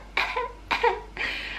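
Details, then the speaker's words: An adult imitates a baby's small cough: three short, light, breathy coughs in quick succession, mimicking the baby's recent little coughs after a bad night, with parents hoping he isn't getting ill. "He's been doing these little coughs. We call them his little pansy coughs because he goes"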